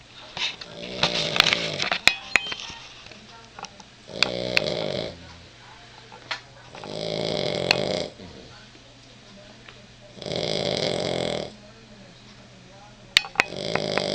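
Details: Little girl pet snoring at night in bed, said to sound just like a human: repeated rasping, rumbling snores about every three seconds, each about a second long, over scattered clicks and room noise.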